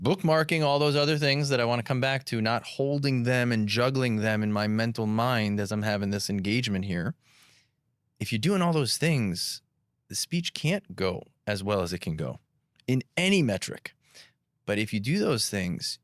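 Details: Adult man speaking; typical speech.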